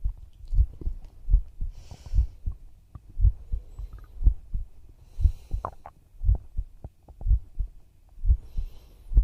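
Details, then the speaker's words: Adult female performer's own heartbeat recorded for ASMR: steady, regular low thumping at about 60 beats a minute with faint microphone rustling; normal heart sounds. "トクトクってすごい落ち着いて寝れるね、これ。お兄ちゃん大好きだもんね。"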